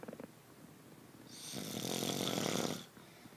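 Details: Sleeping partner giving one loud, rough snore on a long inward breath with quiet breathing around it, then denying snoring; ordinary snoring in sleep.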